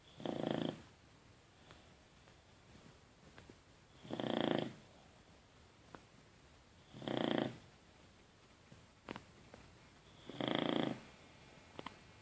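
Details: Boxer dog sleeping: four rhythmic rattling snores about every three seconds, roughly 20 a minute, with quiet room noise between; snoring.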